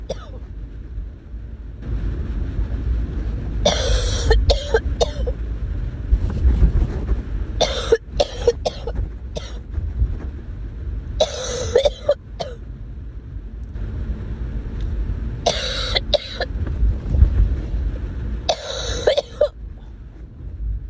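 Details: Adult coughing while ill: about five bouts of harsh, repeated coughing over steady traffic-like background noise; cough.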